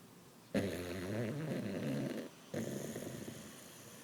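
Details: Sleeping dog snoring: two low, fluttering, rumbling snores with a short quiet pause between them.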